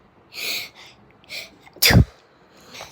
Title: Sorry for sneezing #april19